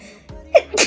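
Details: A brief voiced intake ending in a sharp, noisy burst: a single sneeze from an adult woman, brought on by sniffing a little powder, mouth uncovered.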